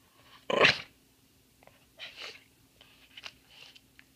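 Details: Papillon mix dog sneezing: one sharp snorting sneeze followed by a few softer nasal puffs in a quiet room; owner wonders about allergies.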